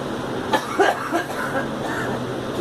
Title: Girl coughing